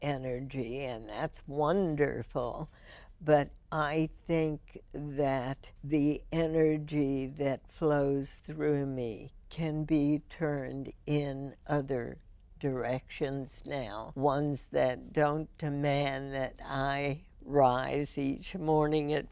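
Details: Adult female with spasmodic dysphonia diagnosed in 1998, treated every four months with botulinum toxin injections into the vocal cords; spasmodic dysphonia.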